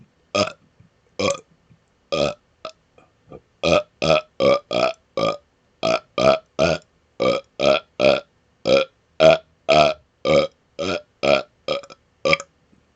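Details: Deliberate rapid-fire burping: a rapid series of about twelve loud, voiced burps in quick succession; belching.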